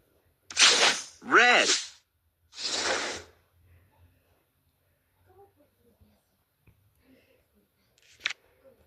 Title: Ignore my sneezes